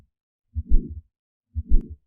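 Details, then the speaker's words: Simulated aortic stenosis on an auscultation simulator, heard through a stethoscope while palpating the simulated pulse: heart sounds with a low rumbling murmur following each first sound, an aortic stenosis murmur. "an as heart murmur from the other side this is the function to output the sounds to kikozo and listen to the sound with the stethoscope while palpating the pulse with the other"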